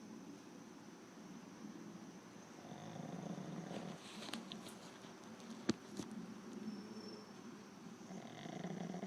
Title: Zoey snoring like a jackhammer (requires sound on)